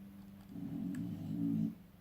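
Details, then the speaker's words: Female pet bully dog sleeping in a quiet room, snoring again: a single low, rumbling snore. "you hear my bully? She's snoring again."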